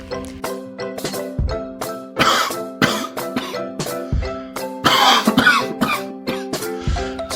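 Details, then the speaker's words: Several harsh, abrupt coughs in irregular bursts, some with throat clearing, over steady background music, demonstrating careless coughing in a health-education piece on cough etiquette and airborne spread of germs. "sobat helm tahu ggak batuk Sembarangan itu bisa menularkan penyakit karena bakteri jadi menyebar di udara dan bisa terhirup oleh orang lain"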